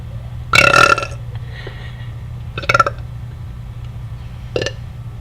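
Three loud, rumbling belches of decreasing length over steady background hum.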